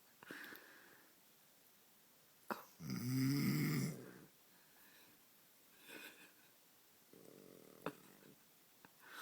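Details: Sleeper with one loud, rattling snore on an in-breath and softer breathing noises around it in a quiet room; an onlooker wonders if his nose is blocked: snoring.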